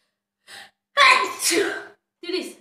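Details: Quick in-breath, then one loud sneeze with a short after-sound: a self-induced sneeze from a self-sneezing challenge of 30 sneezes.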